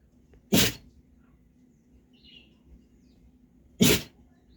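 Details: Dog sneezing: two sharp, explosive sneezes about three seconds apart in a quiet room.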